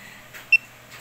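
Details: Fingertip pulse oximeter on an older man's (father's) finger reading SpO2 96% and pulse 65: pulse beeps, described as a normal result.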